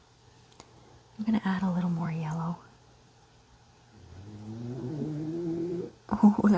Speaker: did you hear that when he's in a deep sleep boy does he snore my dog sleep in bed with me so it's I've gotten totally used to it